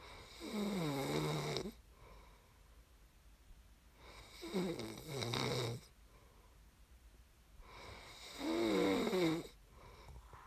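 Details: ASMR snoring recording made for listening to fall asleep: three rattling snores on the in-breath, about 15 breaths a minute, with quiet gaps between; ordinary snoring in sleep.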